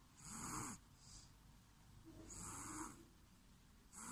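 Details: Soft, quiet snoring with rasping breaths in and out over a steady hiss of room noise; snoring.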